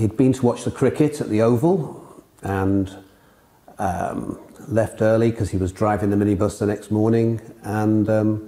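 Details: Adult speaker, low-pitched voice; ordinary speech.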